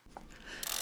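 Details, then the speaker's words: Brief ratcheting, clicking sound as the knob of a Freedom 60 syringe pump is turned clockwise to move the black tab to the pump's end. This is done while setting up a home subcutaneous immunoglobulin (SCIg) infusion. "the knob clockwise to move the black tab to the end of the pump"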